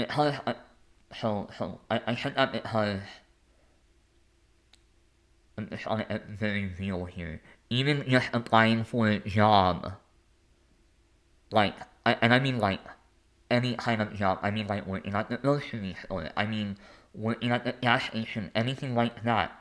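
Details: Lifelong speech impediment with disfluency in an adult male.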